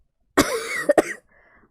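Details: Girl with a cold who says she is coughing a lot, while live-streaming a video game: a voiced cough followed by two short sharp coughs, cough due to a cold.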